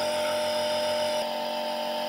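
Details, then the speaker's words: Medtech Handyneb Super compressor nebulizer switched on with medicine loaded and mouthpiece attached, steady mechanical motor hum and buzz with a slight change in tone partway through; normal running sound. "इसको हम यहां से on कर लेंगे दोस्तों बहुत ही fast and low आप देख रहे हैं ना कितनी जल्दी है सारी चीज कर रहा है"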